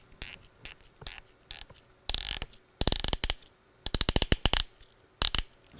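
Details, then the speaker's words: MPFL reconstruction: a 3.9 mm BioComposite SwiveLock anchor is screwed into the proximal patellar hole to fix the sutured graft. Bursts of rapid ratcheting clicks and squeaks, ending in a squeak that marks firm fixation. "so now i've got sutured into the graft in the hole and here comes the 3 9 swivel lock to give me my fixation nice squeak"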